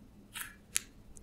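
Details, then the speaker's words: Left knee, weight-bearing on the left leg during a forward lunge, straightening from deep flexion (about 70 degrees), clicking for a couple of months: consistent clicks as the knee extends; knee crepitus. "I've come forward so more of my weights click more of my weight is on my left knee and my knee is pushed further forward so the angle of flexion is greater and I'm consistently producing clicks"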